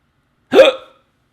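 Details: A single sharp, abrupt voiced gulp with a quick catch; a man having a prolonged bout of hiccups while talking.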